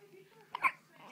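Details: Newborn girl one day after birth with hiccups: a single brief, sharp catch in the breath, common and harmless at this age.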